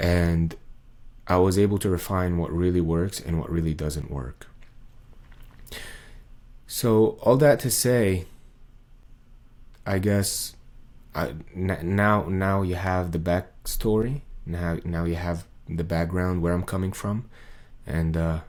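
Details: Adult male with muscle tension dysphonia, diagnosed by an ENT via laryngoscopy in late 2022; this is a recording from before 2023, when a 40-second video took him about 45 minutes to record.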